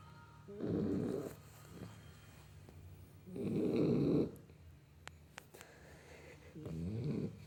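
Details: Dachshund puppy, three and a half months old, snoring; three loud, rattling snores about three seconds apart with quiet pauses between, near 20 breaths a minute.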